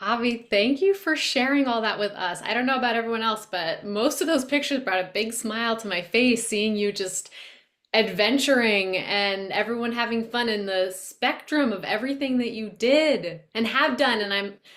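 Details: Adult woman speaking; typical speech.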